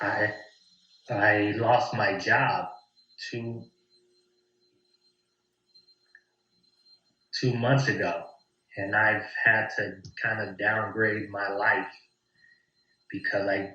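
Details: 40-year-old American man with lifelong stuttering, before starting a course; pauses possibly blocks; stuttering.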